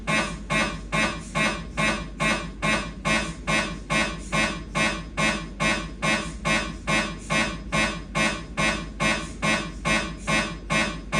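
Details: Siemens MAGNETOM Lumina 3 T MRI, lumbar spine exam, coronal T2-weighted STIR turbo spin echo sequence with fat suppression: loud, steady rhythmic buzzing pulses, about 143 a minute.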